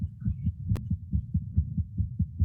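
Regular, rapid low thumping heartbeats from a resting adult goat, with one brief click; normal heart sounds at a somewhat fast rate.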